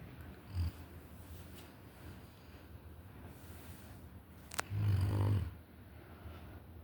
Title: Suara mendengkur nya keras juga wkwkw #shorst #tidurnyenyak